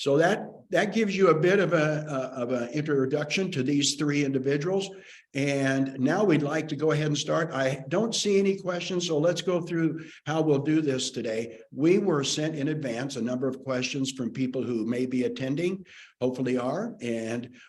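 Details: Adult male; normal speech.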